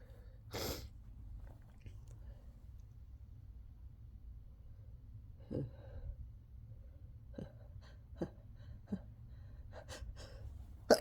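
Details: Self-induced messy sneezing fit: one loud sneeze, then snorts, gasps and short bursts of breath in a quiet room.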